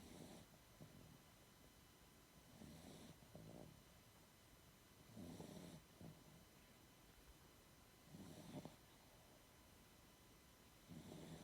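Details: Low, rumbling snores with snorty catches about every 2.7 seconds, roughly 22 a minute, over a steady hum; a sleeping female animal snoring.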